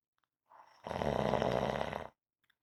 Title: Rhythmic snoring audio